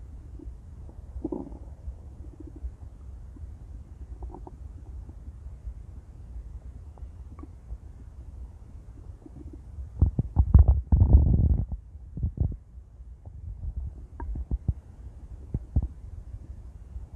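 Low gurgling rumbles that build into a loud, prolonged growl around the middle, ordinary stomach growling.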